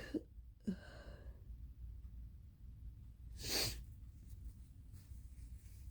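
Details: Nighttime allergy sneezing on the third night while allergy pills have not yet taken effect; suspected allergen at a horse ranch used for equine therapy: two short voiced catches, then a hissing sneeze burst.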